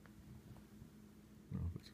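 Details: Sleeping cat snoring: quiet room hum, then a single brief, low, snorting puff of breath, likened to a whale blowing air through its blowhole.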